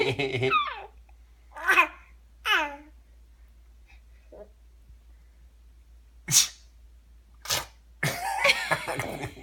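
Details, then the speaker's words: Simulated, fake sneezing: voiced "achoo"-like bursts with laughter between, a playful imitation rather than a real sneeze. "Wait, I have to sneeze. Wait, hey, Stella, aren't you allergic to that?"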